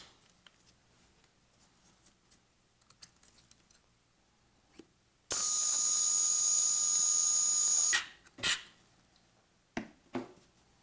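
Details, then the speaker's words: Surgical power drill driving proximal locking screws into a posterior fibula plate after removing temporary olive wire, ankle fracture fixation: quiet room, then a steady high-pitched whine about three seconds, followed by brief clicks. "lastly I will remove my proximal temporary fixation Olive wire and fix it with locking screws proximately"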